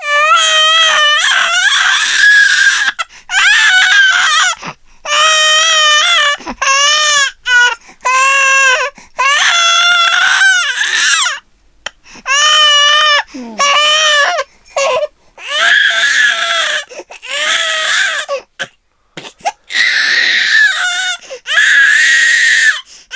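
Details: Baby girl crying, a sound effect: repeated high-pitched wailing bursts separated by brief catch-breath pauses; infant crying.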